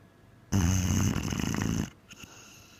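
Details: Nine-month-old Mastiff puppy, born blind, asleep: one long low buzzing snore on an in-breath; ordinary snoring.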